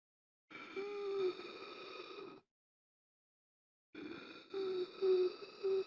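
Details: Simulated gasping for air, sound-effect recording: strained, noisy breaths drawn in with effort, separated by pauses; acted air hunger.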